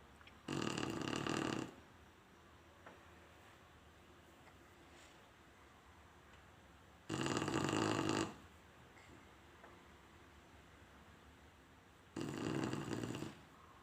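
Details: Chinese Shar-Pei dog snoring in sleep: three loud, rasping breath noises about every five seconds (roughly 12 a minute), with quiet between them.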